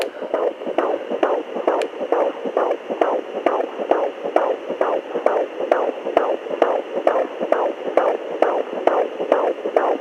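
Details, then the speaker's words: Fetal heartbeat at about 133 beats a minute, rapid regular whooshing pulses heard at home with a Pocket Fetal Doppler on the mother lying down, using gel, after some searching for the position. "como bom gente esse foi o barulho do coração ele demorou um pouco pra pra pegar aí eu não tava achando a posição"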